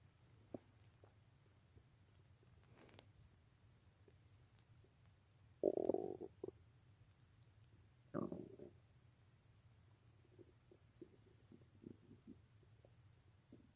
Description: Once again I over indulged in too much cheesy food, resulting in a rather painful stomach ache and lots of rancid gas.